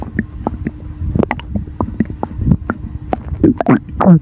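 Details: Stomach rumbling (borborygmi) after drinking a sour drink: irregular low gurgles and bubbling rumbles from the belly as gas and fluid move.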